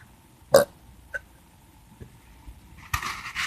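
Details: Burping: a short, low belch followed by a few faint throat sounds against quiet room noise.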